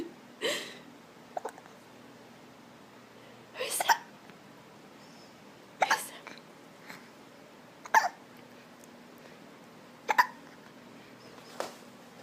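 Sharp, brief involuntary gulping sounds repeating every couple of seconds in a quiet room, about six hiccups; typical hiccups.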